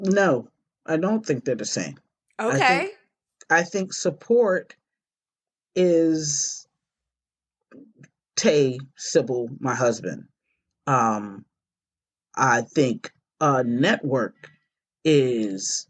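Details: Stroke survivor with post-stroke aphasia; aphasia.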